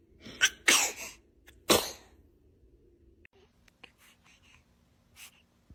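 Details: Baby sneezing: a sneeze.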